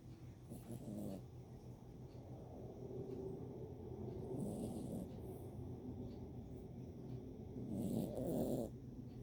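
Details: Dog snoring: a steady low rumbling snore with two louder snorting breaths about seven seconds apart.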